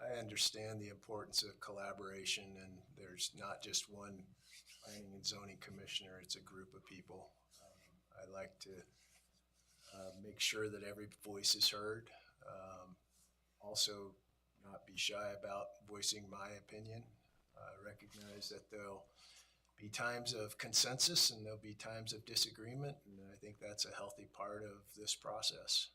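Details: Adult male speaker; normal speech.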